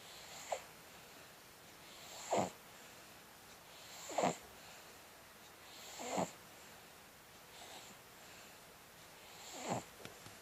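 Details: Short snorting snores about every two seconds with soft breathing between; light snoring in sleep.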